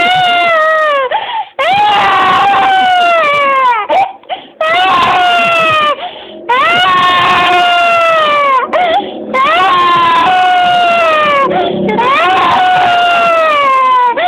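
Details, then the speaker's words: Young child wailing with long loud cries and sobbing catches after being scolded for breaking something and threatened with a spanking from Papa; distressed child crying. "stop na stop na Stop crying na sumun ko ikaw kay Papa"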